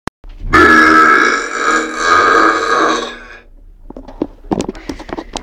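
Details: Burping in an elevator: one long, loud, rumbling belch of about three seconds, then faint voices and rustling in a small space.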